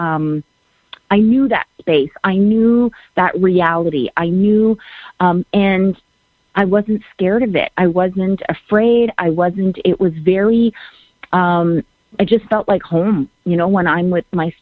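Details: Adult woman speaking; ordinary speech.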